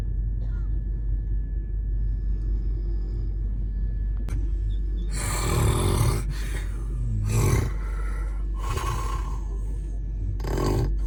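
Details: Loud, rough, rasping snoring bursts, five in the latter half, from a person sleeping in a train's second-tier compartment over steady low train rumble.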